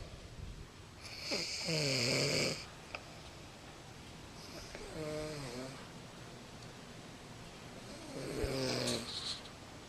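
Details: Person snoring while asleep: three loud, rattling, buzzy snores with rising then falling pitch, spaced several seconds apart; loud snoring.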